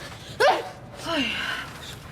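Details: Acted drama scene (Russian): a single sharp, explosive sneeze with a brief breathy lead-in from a sick character with fever and ongoing cough; simulated sneeze.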